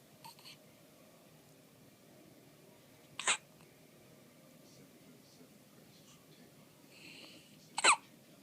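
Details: Infant hiccups in a baby girl, born at 7 lb 9 oz, who frequently gets hiccups: two sharp, brief squeak-toy-like hiccups about four to five seconds apart over quiet room noise.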